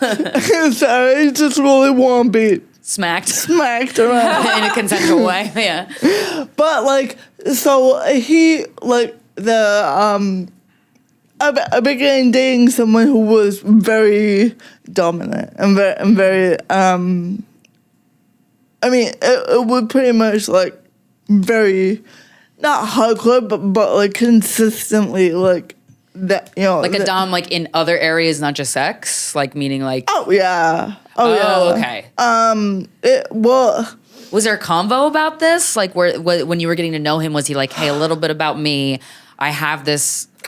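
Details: Adult woman with cerebral palsy, which she says mostly affects her speech and makes talking harder, and also affects fine motor skills and her walking a little; she uses no mobility aid. Finding: dysarthria due to cerebral palsy.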